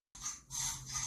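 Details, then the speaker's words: A dog makes harsh, snorting pulls of air in through the nose, like sneezing in reverse and described as usually harmless: reverse sneezing. "재채기는 밖으로 공기를 뿜어내는데 역 재채기는 공기를 마시는 것처럼 들려 명명되었습니다. 건강의 이상 있는 것이 아니므로 크게 걱정하지 않아도 됩니다"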